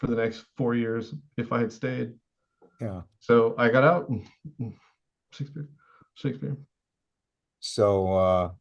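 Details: Adult man with severe Tourette syndrome, diagnosed at 27, whose most reliable verbal tic is involuntarily saying "Shakespeare"; he also reports involuntary yelling and screaming: Tourette syndrome vocal tic.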